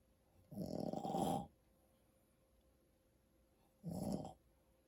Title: Snoring Dad